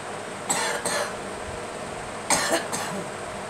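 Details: Girl coughing: two pairs of short, harsh coughs over steady background hiss.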